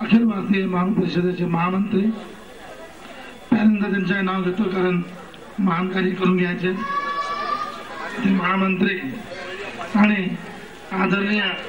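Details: Adult male announcer; Normal voice.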